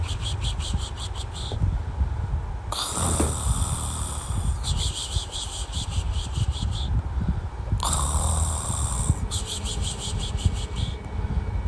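Low rumbling snores recur about every five seconds, each with a rattling rasp, over steady background noise. Snoring.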